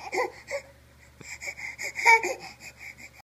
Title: is cute even when he's crying